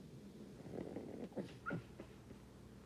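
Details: Sleeping pug dreaming: soft, fluttering snuffly snoring breaths with small whimper-like sounds and barking.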